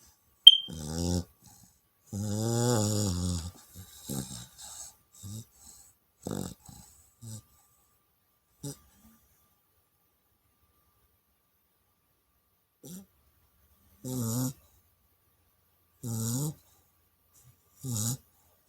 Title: Enzo my chow puppy snoring loudly 🤣❤️